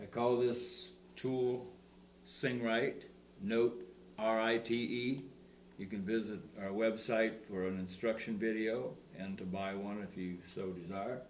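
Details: Adult male speaker; normal fluent speech.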